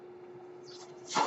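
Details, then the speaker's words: Man's own mechanical ventilator during speech: steady low machine hum, then a rising airy whoosh as the ventilator delivers a breath; ventilator breathing cycle. "That noise you're hearing is my ventilator."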